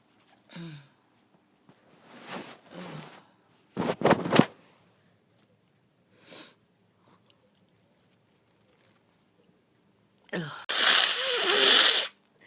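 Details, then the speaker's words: Person with a tickling nose sniffs, gives a sharp sneeze burst, then a long forceful nose blow; sneezing. "Oh, my nose tickles again. Ew. One more, I think."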